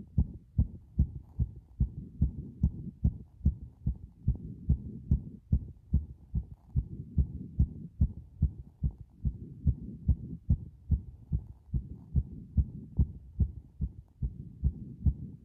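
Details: Heart sounds recorded by pressing against the chest after a bath: deep, regular thudding heartbeats with a low rumble between them, roughly 70–75 beats per minute.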